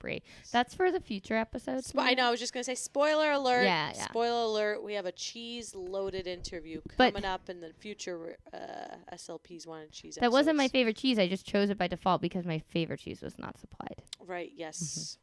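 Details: Adult women talking, podcast conversation; ordinary conversational speech.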